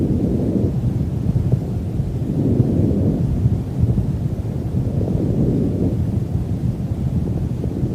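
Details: Stethoscope auscultation of a horse's chest: soft low rumbling airflow with gentle swells; normal vesicular lung sounds.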